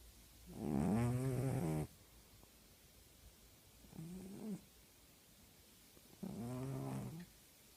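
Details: Female tabby cat snoring loudly while asleep: three rattling, buzzy breathing sounds with quiet gaps between them.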